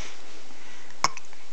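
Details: Hiccups: a single short, sharp hiccup over a quiet, muffled room background.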